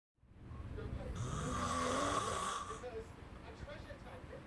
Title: Snoring